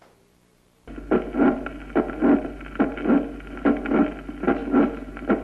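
Regular heartbeat at about 72 a minute, each beat trailed by a rising blowing murmur late in systole, typical of mitral valve prolapse.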